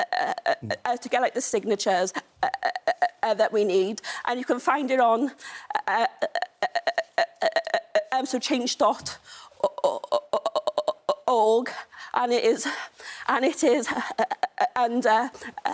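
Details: Stuttering in a woman, a stammer campaigner, ordering food in a café.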